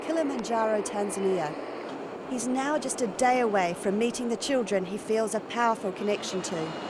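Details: Adult narrator; normal speech.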